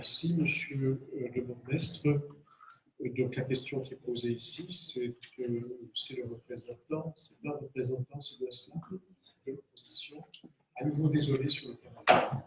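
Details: Adult man speaking French; normal voice.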